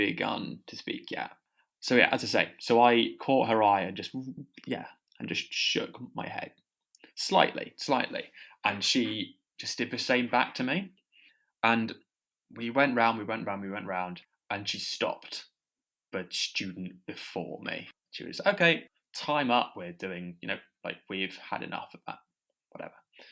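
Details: Stammering with audible repetitions in a podcast co-host who has a stammer.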